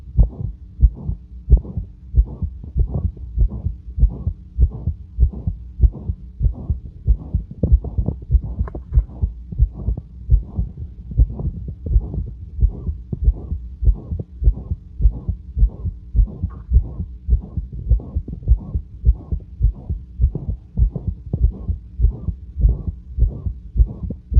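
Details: Adult's own heart auscultation at rest, about 100 per minute, with a loud, harsh whooshing murmur between beats; the murmur is always present but varies in intensity and was louder than usual this night.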